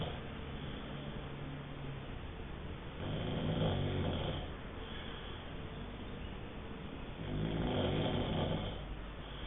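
Two low, rumbling snores about four seconds apart over steady background hiss.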